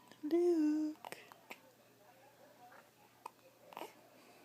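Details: Tiny infant boy makes a short vocal sound, then small, abrupt catches and clicks at irregular intervals while a caregiver talks: infant hiccups.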